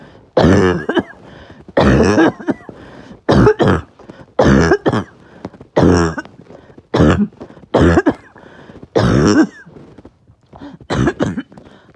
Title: Uncontrollable barking night cough (really bad)